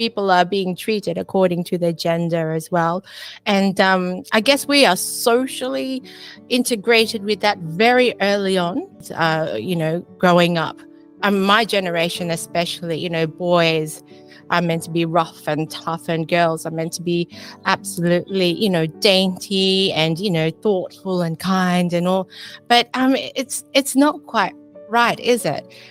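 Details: Woman, a nurse from Australia, with functional neurological disorder and daily flare-ups, who says she has foreign accent syndrome that makes her sound English; finding: foreign accent syndrome.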